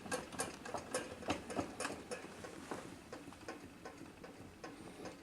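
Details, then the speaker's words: Rapid rattling mechanical ticking, about three to four clicks a second, from a 1970s Jugodent foot-pedal dental drill turning through its cord and wheel, run backward after changing direction by foot timing. "as you can see right now we are going in that direction and if we would like to go the other one like in backwards we go just like that and as you can see we are going backward"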